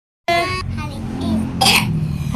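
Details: A child with a cough gives a short voiced cough, then a second harsh burst, over a steady low vehicle-like hum.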